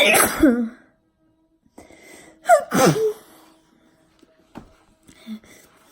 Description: Letting out some massive forced sneezes.